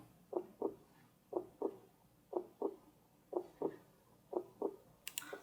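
Steady heartbeat of paired lub-dub thumps at about 60 beats a minute, evenly spaced.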